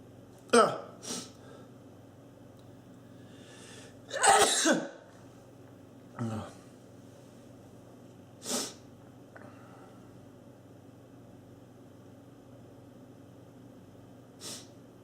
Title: Man in suit makes himself sneeze